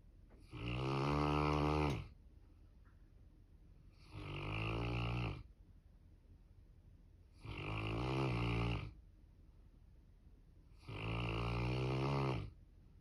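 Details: Snoring from a sleeping Newfoundland dog: loud, rattling snores on each breath in, about 17 a minute, with quiet pauses between.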